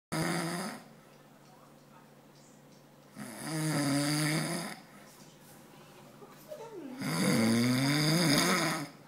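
Loud, rumbling snores with a wavering tone, about every three to four seconds. Heavy snoring.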